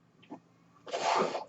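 A faint soft puff, then a loud half-second rushing hiss of air between pauses in speech: mechanical ventilator noise.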